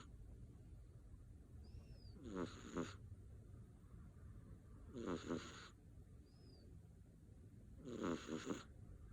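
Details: British Shorthair kitten, born 2020-09-24, asleep after vigorous play: three rattly snoring bursts on the in-breath, about 20 breaths a minute, with faint room noise and brief chirps between: snoring.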